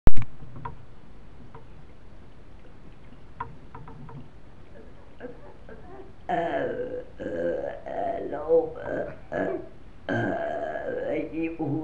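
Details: Deliberate burps from a 7-year-old child: two long, low, rumbling voiced bursts after a quiet stretch.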